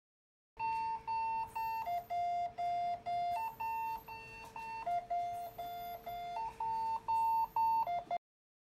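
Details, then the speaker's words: Biyovent mechanical ventilator in unidirectional apnea mode: after the spontaneous trigger is released, it switches to apnea mode and sounds a repeating two-tone electronic beeping apnea alarm. "soltar el gatillo, el dispositivo cambia al modo de apnea y las alarmas."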